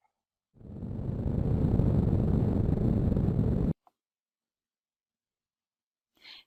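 About three seconds of dense, crackling static-like rumble, the sound of muscle electrical activity on EMG playback.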